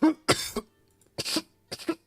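Three short, deliberate dry coughs from an adult, made on purpose rather than as a symptom.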